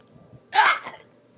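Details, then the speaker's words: Person filming their own real, self-described unique hiccups: one short voiced gulp in a quiet room, a single hiccup. "so right now I have the hiccup and I just I just want to let you know that these are my real Hiccup and they're not fake"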